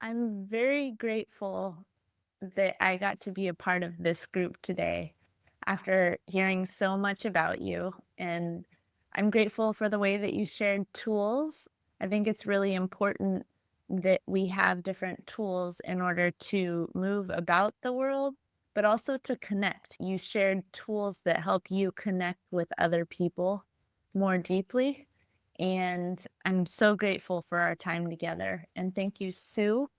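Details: Adult woman speaking; normal speech.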